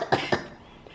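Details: 14-month-old boy, clinic-diagnosed common cold with upset stomach, cough ongoing: two quick harsh coughs fading into room noise; cough.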